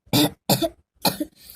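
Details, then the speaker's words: Young girl with a bad cold and heavy cough not relieved by a tablet, treated at home with tulsi and ajwain leaves: three short, harsh cough bursts, each followed by a brief catch of breath. "మా అమ్మాయికి మార్నింగ్ చెప్పాను కదా మీకు, బాగా కోల్డ్ చేసి బాగా దగ్గు వచ్చేస్తుంది అనేసి."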